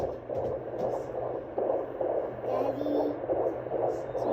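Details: Fetal heartbeat of a baby girl at about 33–34 weeks' gestation on Doppler ultrasound at a prenatal visit: rapid, regular whooshing pulses at about 140 a minute over a low hum, normal range ("she sounds great").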